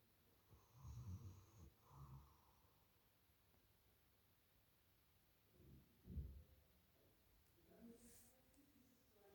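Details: Female German Shepherd watchdog in deep sleep: low, rumbling snores with quiet pauses between breaths; loud ordinary snoring.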